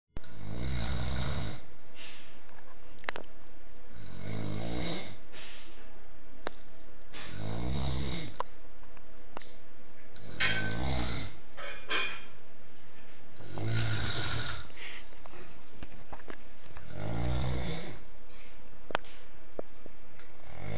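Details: Heavy snoring: loud, deep, rattling snores repeating about every 3 seconds, roughly 20 a minute, over steady background noise.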